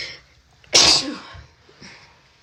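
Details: Person with a cold: a single loud, explosive sneeze with a short intake before it and a fading tail, then quiet breathing.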